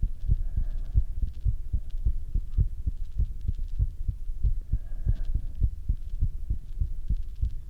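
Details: Own heartbeat with breath sounds through a stethoscope: steady, regular heart thumps with soft breathing sounds rising and falling underneath.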